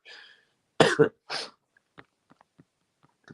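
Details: Cough.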